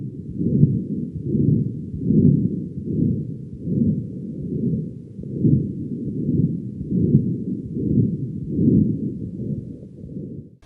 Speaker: if it remains opened it's called a patterned ductus arteriosus this leads to a distinctive continuous Machinery murmur on oscultation with a bounding collapsing pulse